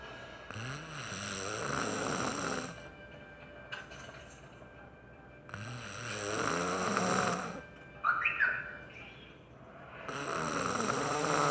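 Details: Man snoring hard while dozing during a movie: loud, rasping, drawn-out snores about every five seconds, with short whistling sounds between them.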